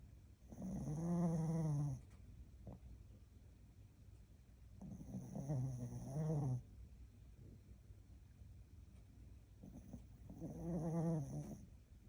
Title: Blu’s snores #dog #mydog #cutedog